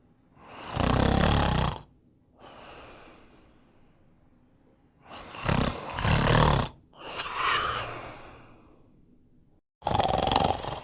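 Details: Loud, rough snoring breaths recurring irregularly with pauses, some snorting, in a quiet room during sleep; snoring.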